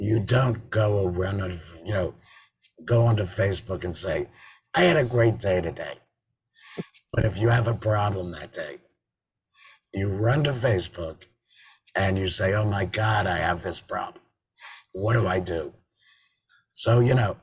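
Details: Adult man with total laryngectomy in February 2019 and a tracheoesophageal voice prosthesis since September 2019, who says prosthesis speech makes him swallow much air: tracheoesophageal speech.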